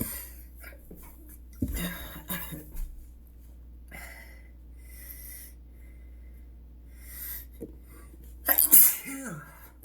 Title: Twist-tie sneezes